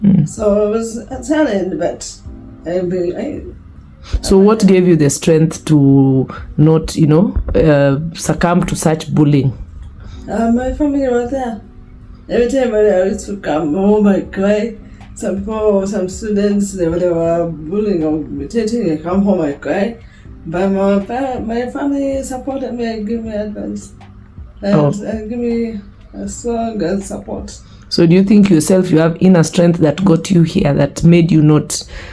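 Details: Young woman with a lifelong speech impediment present since birth; began talking around age 9–10, and people could not understand her speech; drooling also reported. Finding: speech impediment.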